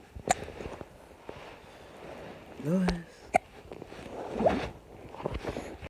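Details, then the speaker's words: Young child with hiccups: a couple of sharp, abrupt hiccup clicks between brief voiced sounds and soft noises. "you have hiccups?"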